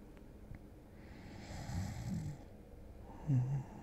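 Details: Simulated ASMR roleplay of a boyfriend falling asleep on a Sunday morning: soft, low, breathy light snores at the edge of sleep, acted for relaxation.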